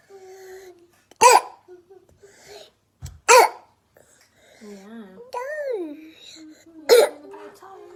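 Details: Real young child with croup: three harsh, barking coughs between whimpering vocal sounds, typical croup cough.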